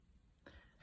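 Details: Single brief, soft cough or throat clear from an adult feeling unwell (second day sick, took off work), after quiet room noise; cough.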